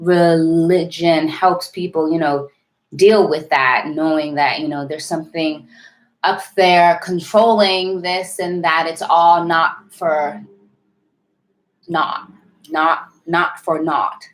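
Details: Adult woman with a self-described severe, overt stutter involving heavy blocking; stuttering.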